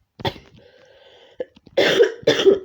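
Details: Persistent dry cough from an adult on day 6 of COVID-19 isolation, slowly getting better but unable to stop coughing, with a tickly, sore, dry throat after recent dehydration.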